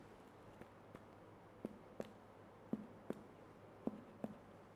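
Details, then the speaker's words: Eight short, hollow finger taps in pairs over a non-distended abdomen, each with a brief resonant ring: a normal resonant percussion note with no sign of intestinal obstruction. "pick us the whole abdomen this sounds is pretty normal and I don't see any distension so no no intersinal obstruction at all"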